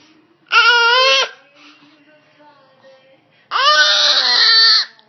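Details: A fussy baby, after a run of sneezes, gives two loud, sustained cries separated by a quiet pause, with strong voiced tone and yelling quality; infant crying.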